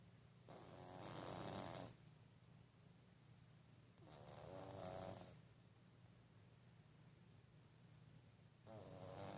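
Slow, rough, humanlike snores from a sleeping cat, about 18 breaths a minute, over faint room noise; snoring.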